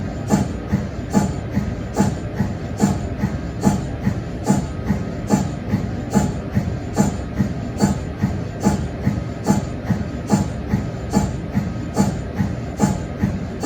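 Steady rhythmic chugging pulses, about 72 a minute, from an MRI scanner's cold head pump; a normal machine sound.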